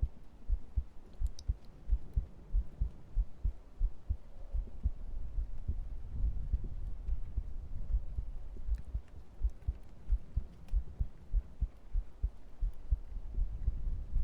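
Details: Heartbeat recorded with a microphone during an ASMR stream: muffled, regular low thumps under rustling and room hiss; normal heart sounds.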